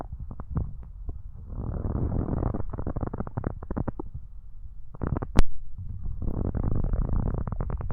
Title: stomach growling